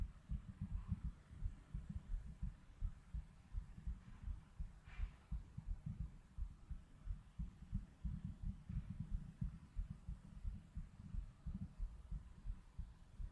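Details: Soft low thumping heartbeat, about 86 a minute, with faint background noise; normal heart sounds.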